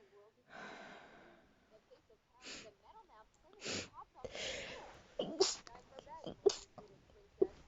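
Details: Tired person sneezing, saying "excuse me" and wanting to sleep: a run of about four sharp sneezes, each with a quick indrawn breath before the burst, and soft voice sounds between them.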